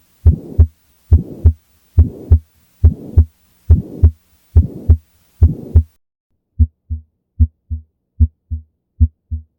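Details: Pulmonary stenosis: heartbeats about 70 a minute with a harsh murmur filling systole, followed by clean normal heart sounds for comparison.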